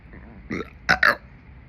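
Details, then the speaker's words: Woman burping: a short voiced belch followed by two quick, loud belching bursts; repeated burping. "seems you liked my recent burping calvalry the fuck was that at the end sound like a little hiccup attached to the"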